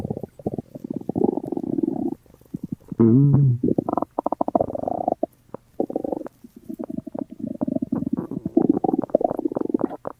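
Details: Simulated, exaggerated stomach noises from a Gorilla Tag game character's hunger joke: bursts of gurgling, bubbling rumbles with a brief groan; a sound-effect imitation of stomach rumbling.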